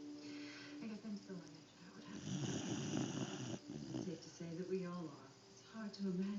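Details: Family puppy napping with its owner, giving soft rhythmic nasal snores, with television talk in the background; snoring in sleep.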